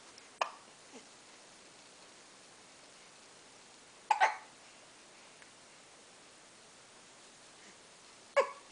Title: hiccups